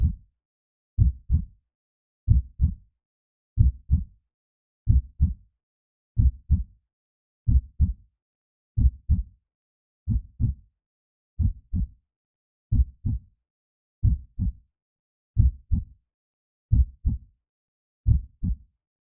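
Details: Recorded heartbeat sounds offered as a sleep aid for babies: a steady, regular, deep, muffled lub-dub at about 47 beats a minute, with no other sounds between beats.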